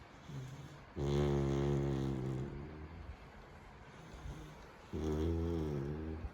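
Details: Labrador puppy snoring relaxedly on a bed: two long, low, rumbling snores with quiet breathing between them.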